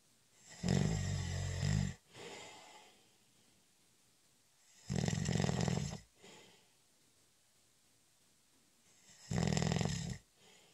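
Loud, deep rattling snores on inhaling, each followed by a softer breath out; three breaths in eleven seconds, slow regular breathing.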